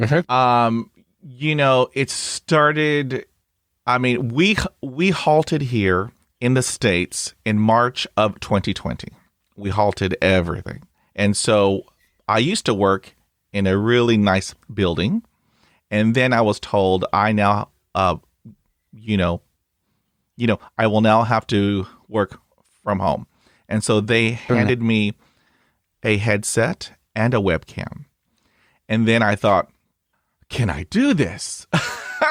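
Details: Adult male speaker; ordinary speech.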